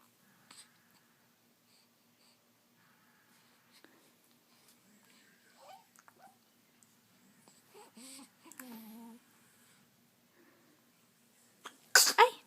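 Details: Baby coos softly in a quiet room, then gives one sharp, sudden sneeze at the end; sneeze.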